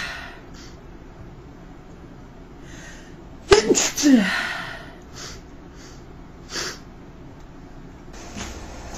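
A single loud, explosive sneeze with a sharp onset, followed by a few breaths.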